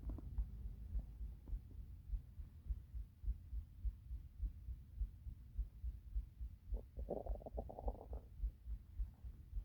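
Low rhythmic thumping with a burst of gurgling rumbles in the middle; stomach rumbling from hunger.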